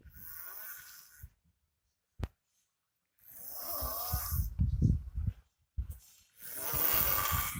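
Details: Man sleeping on the tiled floor snoring very loudly: harsh snores with deep fluttering rumbles and snorts, separated by silent pauses.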